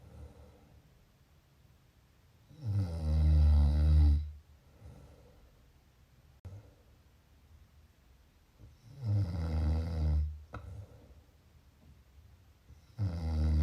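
Loud, low vibrating snores on each breath, about one every five seconds, with softer sounds between; snoring during sleep.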